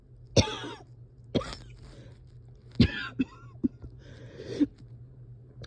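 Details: Person at home having a hard time resting or getting comfortable: several separate harsh coughs with effortful breathing sounds between, against a steady low room hum; coughing with labored breathing.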